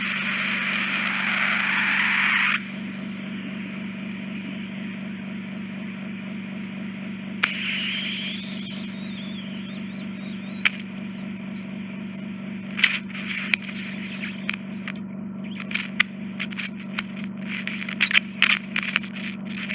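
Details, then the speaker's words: Suction of cholesteatoma debris (infected dead skin in a pocket, eroding bone) from a woman's left ear, superior region, during endoscopic microsuction; loud suction hiss, steady hum, irregular crackling and sucking clicks. "it's just dead skin that's infected and in fact eroding with a bone infection there's a bit getting right in that pocket we'll just see if I can get out for you okay"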